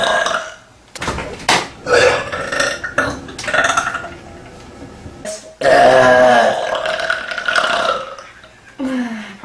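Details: Female burping: several loud, drawn-out throaty belches, some long and rumbling, with short gaps between.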